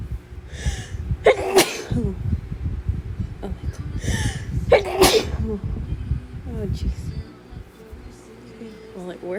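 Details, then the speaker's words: Two forceful sneezes triggered by nasal snuff, each with a sharp inhaled build-up and loud explosive release, over background noise; sneezing. "Oh my goodness, I have to sneeze. Okay. Very intense."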